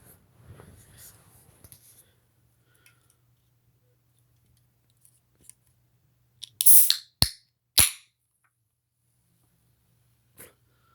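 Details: Deliberately self-induced sneezing after tickling the nose: a sharp hissing burst and two quick explosive sneezes in a quiet room.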